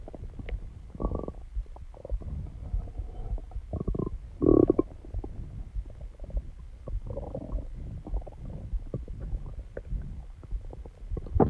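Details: Stomach growling: low gurgling and rumbling with bubbly pops coming and going over several seconds.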